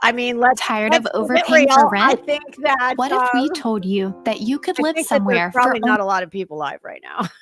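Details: Adult woman speaking; normal speech.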